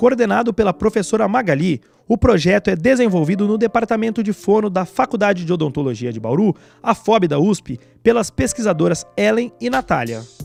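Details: Adult female narrator; Normal speech.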